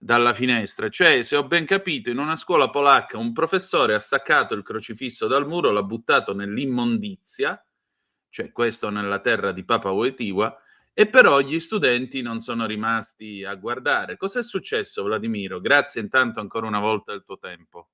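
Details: Adult male speaker; normal voice.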